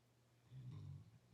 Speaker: i don't know if you can hear my dog snoring over there he just snored really loudly